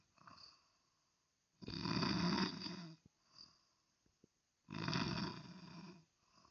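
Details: Extremely loud snoring that disturbs others' sleep: loud, harsh, rattling snores about three seconds apart, with softer breaths and small clicks between them. Heavy snoring.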